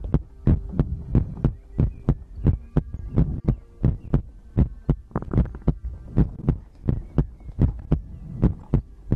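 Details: Heartbeat and breathing ASMR recording for sleep: steady, regular, close, deep thumping heartbeats at about 160 a minute with a faint hum behind them.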